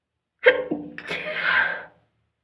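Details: One sharp sneeze: a quick breath in, then an explosive burst of air and voice.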